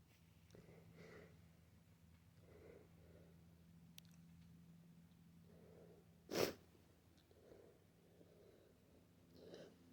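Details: Person with flu; soft breathing and sniffing, then one loud explosive sneeze and more quiet breaths; a single sneeze.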